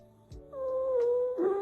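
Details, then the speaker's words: Teaching example of abnormal lung sounds: stridor, a continuous high-pitched musical tone, like wheezing but usually from airflow obstruction in the trachea. "Strider has a similar sound to wheezing and is continuous but usually occurs due to a blockage of air flow in the trachea like an obstruction"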